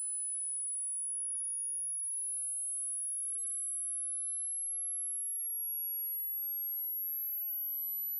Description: Do this hearing test and share your results on the comments!